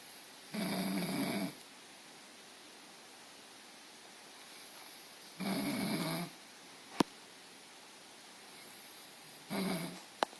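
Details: Snoring from a sleeping dog in a quiet room: three rough, rattling snores with long quiet pauses between them, about twelve breaths a minute.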